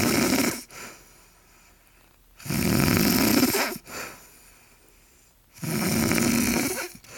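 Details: Woman napping, snoring heavily: three loud, rough, rattling snores on breathing in, each about a second long, with quiet breathing out between them.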